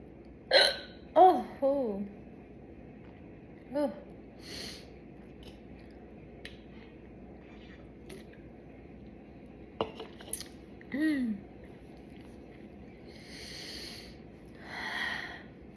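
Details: Young woman with hiccups after chugging soda: several short, abrupt voiced catches at uneven intervals, some gulping; hiccups.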